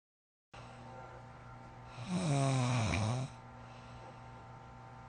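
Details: Heavy snoring: one deep, rumbling, vibrating snore lasting about a second over a steady background hum.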